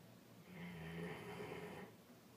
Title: Snoring mastiff